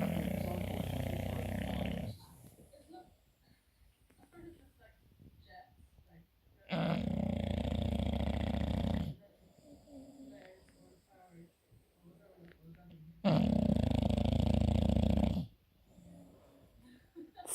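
Deep, loud rumbling snores about every six seconds, roughly ten a minute, with soft snuffling between; heavy dog snoring.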